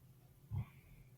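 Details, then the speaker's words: Dog snoring in the background of a live recorded podcast session; the dogs sleep in the room during recording. "Can you hear my dog snoring? This is I always tell people this stuff is live as we record it and my dogs love to be in here with me and they like to they like to snore when I'm in here."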